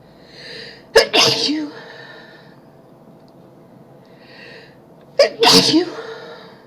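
Two full sneezes, each with a quick indrawn breath and then a sharp explosive burst, several seconds apart. Ordinary sneezing.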